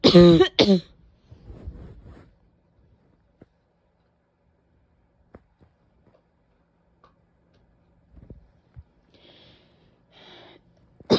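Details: Two loud, harsh, voiced, painful-sounding coughs with a barking quality, followed by quiet breathing and another burst at the end: barking cough.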